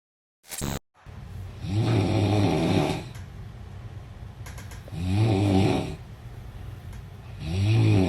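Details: Deep, rumbling snores about every 3 seconds over a steady low background hum; heavy, vibrating snoring during sleep.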